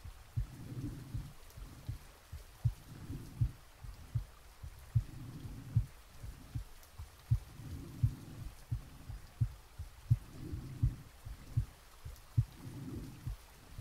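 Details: Real heartbeat and breathing recorded from the chest while sleeping, with added soft rain: soft, steady thumps at about 80 a minute with slow breathing; normal heart sounds.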